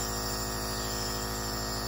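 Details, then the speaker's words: Compressor nebulizer running during a breathing treatment given through a face mask: steady mechanical hum with a fast rhythmic pulsing buzz while the patient breathes in and out through the mouth. "then you're going to put the face mask back on you're going to turn the machine on"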